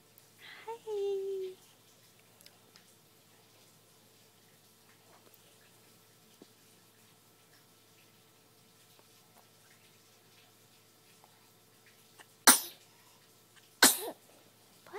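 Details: 2-month-old baby sneezing: two sharp, explosive sneezes about a second apart after a brief voice, with quiet room noise between.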